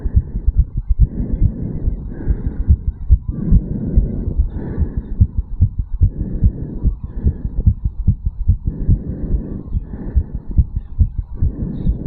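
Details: A 34-year-old man's heart after a quick morning jog, recorded at the mitral (bicuspid) valve area: rapid, regular, strong heartbeat with quick paired thumps; a fast heart rate after exercise.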